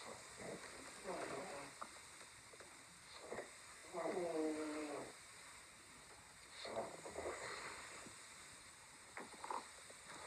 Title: My stomach growling